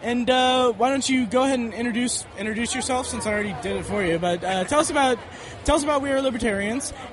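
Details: Adult male speaker; normal speech.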